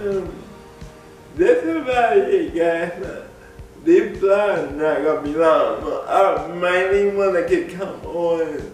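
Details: Dysarthric speech in an adult man with cerebral palsy; people have laughed at the way he talks since childhood. Cerebral palsy is named, but no speech disorder is formally named.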